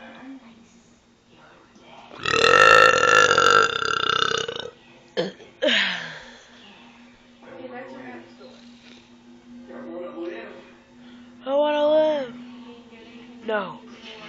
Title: Insidious and mega burps